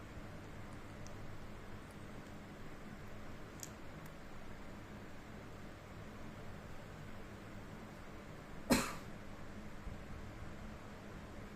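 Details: One sharp cough from a father that startled his 3-month-old baby, against quiet room noise.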